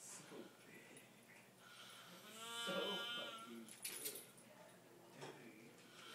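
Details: Adult sleeper with a high, bleat-like, whistling sound on one breath between softer noisy breaths; a loud, unusually high-pitched snore heard from across the house and mistaken for a bird: snoring.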